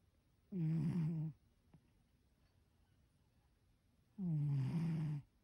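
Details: Sleeping cat, two low buzzing snores about 3.5 seconds apart in a quiet room; snoring.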